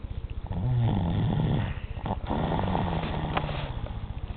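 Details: 3-year-old child snoring during sleep at 4:30 in the morning: low rattling, fluttering noise carried on the breath, with some room noise.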